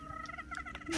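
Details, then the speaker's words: Adult woman's lungs recorded in a doctor's office during an EKG visit, wheezing again apparently after walking there: a steady, high musical whistle with a warbling edge runs through the breath, wheezing. "sorry I'm just listening to recording her lungs cuz it's weezing again I just want to hear the sound"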